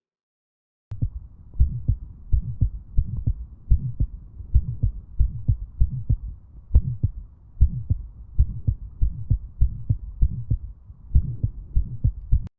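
Fast, regular heartbeat with a soft, low, humming vibratory murmur between beats, typical of a harmless Still's innocent murmur.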